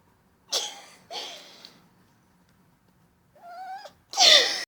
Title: Sneezing kitty